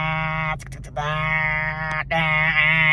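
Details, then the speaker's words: Sustained buzzing, droning vocal noise with brief breaks: a woman with breast cancer imitating the loud MRI scanner noise of the four-minute scans she lay still through, face down. "the 4 minute scans were the worst and I will say why they were the worst because 4 minutes is like whatever 4 minutes not a big deal but four minutes when you have to lie still and you're subjected"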